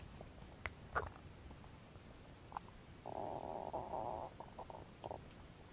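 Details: Belly noises recorded as no-talking ASMR: soft gurgles and pops, then a drawn-out whining, bubbling growl lasting about a second; ordinary stomach growling, borborygmi.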